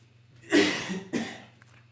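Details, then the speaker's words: Two harsh, forceful coughs from an adult man in the background, part of a coughing fit: cough. "sorry about my husband having my husband's having a coughing fit in the background I don't know if you can hear him"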